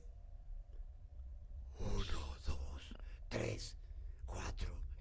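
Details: Patient with right unilateral vocal fold paralysis, initial voice sample before voice therapy; severe breathy dysphonia (unilateral vocal fold paralysis).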